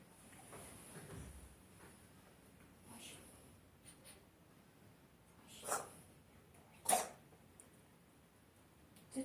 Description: The kitten has a congenital allergenic cough